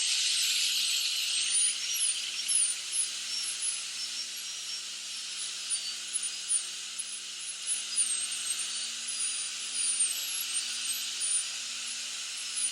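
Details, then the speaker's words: Steady, high-pitched whine with brief pitch dips from a high-speed (ultra-speed) dental handpiece refining the proximal box walls of a Class II mesio-occlusal amalgam preparation on the mandibular right first molar. Soft background music. "inspect the preparation for remaining carries and check the axial wall depth at ultra speed refine the walls of the proximal box"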